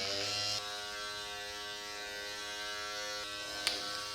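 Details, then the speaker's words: Microneedling pen (Dr. Pen M8S, 18-needle cartridge) in first-time at-home use on buttock stretch marks, with depth being increased and no redness yet: steady high electric buzz against skin, in a quiet room. "And I'm going to increase the depth. There's no redness. I think we're good. But the sound it makes. Wow. So scary."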